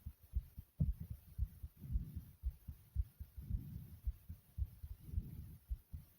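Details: Fast, soft heartbeat after doing various exercises: quick low thumps at about 113 beats a minute.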